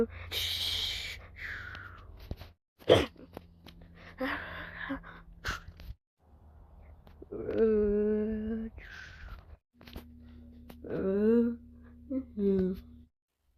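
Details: Cartoon sneeze sounds from a Numberblocks animation, with wind-up voicing and bursts mixed with sound effects and a hum; acted, not real sneezing.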